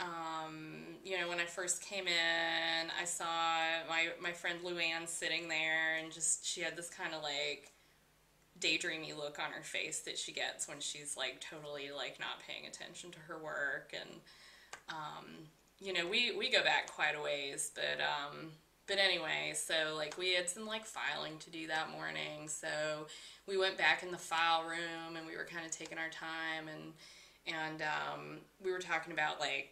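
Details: Acted mental status exam example, woman client; digressions into unnecessary detail before reaching the central idea; circumstantial thought.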